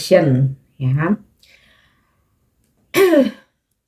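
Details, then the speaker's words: Adult woman with a cough clears her throat in a few short voiced bursts with a brief pause between. "Maaf ya suaraku ini readingnya jadi agak nggak lancar ya lagi ini batuk tapi aku harus tetap menyampaikan pesannya"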